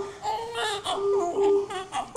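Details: Thin, high-pitched newborn wails with wavering pitch from a baby girl weighing 2.5 kg and 48 cm long, a normal first cry right after birth and cord cutting; she also coughs.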